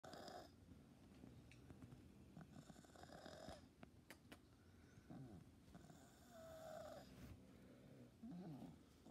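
Low, rattling snore-like noise with each breath from a cat, typical of stertor from the upper airway.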